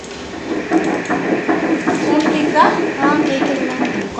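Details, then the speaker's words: Fetal heartbeat heard during the mother's ultrasound scan in her second pregnancy: rapid rhythmic whooshing Doppler pulses, roughly 150 beats a minute. "அந்த heart beat கேட்ட உடனே அப்படியே ஒரு உள்ளுக்குள்ள அவ்வளோ ஆனந்தம் அவ்வளோு சந்தோஷம் எனக்கு."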